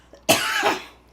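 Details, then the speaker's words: Single sharp, harsh cough burst that trails off briefly against a quiet background, heard during a livestream; cough. "with famous people live stream those are real live racial coughs it could be an imitation gwp live stream if you don't hear that coughing in the background"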